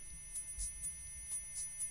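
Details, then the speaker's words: Simulated tinnitus from a short film about a DJ with tinnitus: steady high-pitched ringing over faint, muffled dance-music beats in a quiet room. "Now listen, we heard some tinnitus there, and that's the movie."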